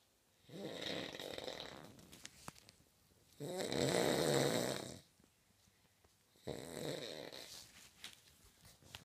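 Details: Adult housemate snoring loudly during sleep, likened to an elderly camel: three long, loud, rough rattling breaths separated by quiet pauses.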